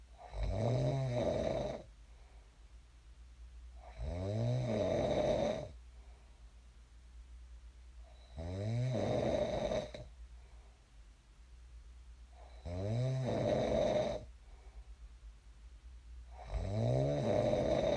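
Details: Sleep snoring recorded for ASMR: steady, rumbling snores on each inhalation, about 15 breaths a minute, with quiet pauses between; ordinary snoring in a sleeper who later woke up.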